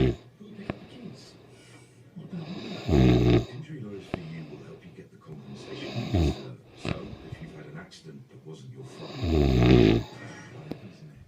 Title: snoring part 3